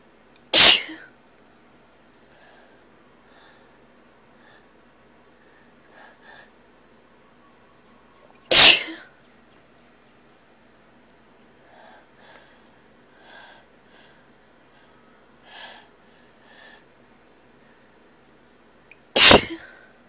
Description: Very tickly nose. A couple stifles in there as well.